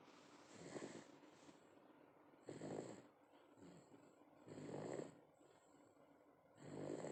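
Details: Eight-month-old snoring in sleep: soft, rhythmic snoring breaths at about 29 per minute, each with a raspy, fluttering sound.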